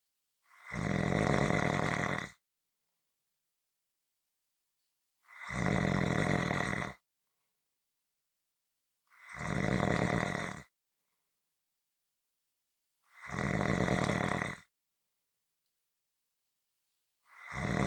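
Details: Loud, rough snores each about 1.5 seconds long, every four seconds with silence between, about 15 per minute; heavy sleep snoring.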